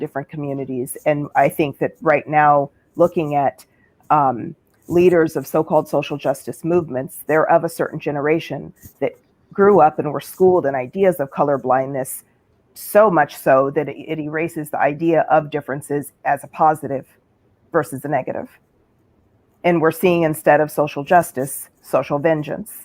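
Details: Adult speaker; ordinary speech.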